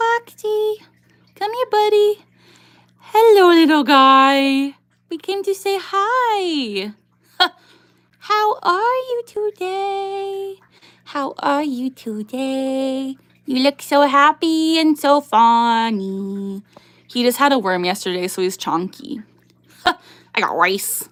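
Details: Young woman with Tourette syndrome, with a recurring vocal tic phrase present for years, plus motor tics such as neck jerks and eye blinking; Tourette syndrome vocal tic.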